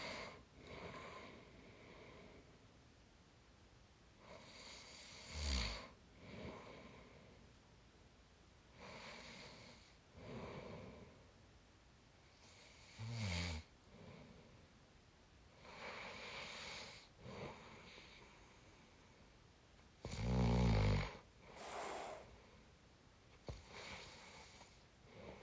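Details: Sleep snoring in a 22-year-old, very tired: regular noisy breaths about 14 a minute, some with a rough, fluttering snore.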